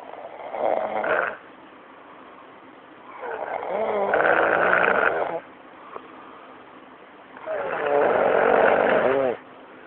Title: elmo snoring